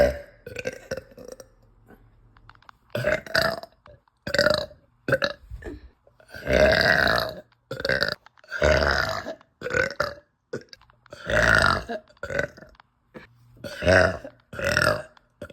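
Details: Repeated uncontrollable belching with nausea in a bloated woman after eating pasta, who cries for help: about eight loud, drawn-out voiced burps with gulping sounds between.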